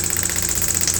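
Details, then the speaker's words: Loud rapid rattling taps about fifteen per second from a pneumatic radial shockwave gun, run with ultrasound gel along a bunion on a patient's right foot toward the toe, up to 1500 hits; shockwave therapy device operating. "shock wave is a Pneumatic gun uh there's a bullet in the tube here that hits the applicator head and we run the area of pain"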